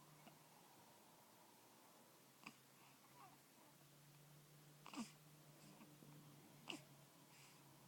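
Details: Infant in bed after her morning feed with hard hiccups: brief, sharp catches of breath a few seconds apart against a quiet room hum.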